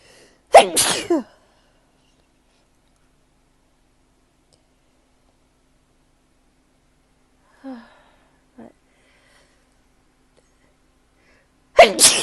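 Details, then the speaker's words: Someone sneezing in early spring after going outside among spring flowers: two loud, sharp sneezes about eleven seconds apart, with quiet and a few faint small sounds between. Sneezing. "it definitely feels like spring is in the air things are just making me sneeze a lot"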